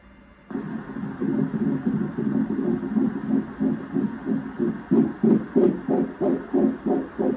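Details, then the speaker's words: Fetal heartbeat recorded at a first-trimester pregnancy ultrasound appointment: fast, regular whooshing pulses, about 180 a minute. "however I did ask if I can record because he wasn't able to go in there with me and they did let me um so I'll insert in a little video of the heartbeat as well"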